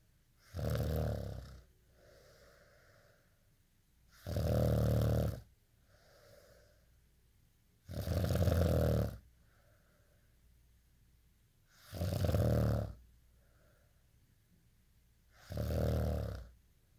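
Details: Snoring, tagged also with teeth grinding: regular loud snores on each breath in, with soft breathing out between them, about 15 breaths a minute.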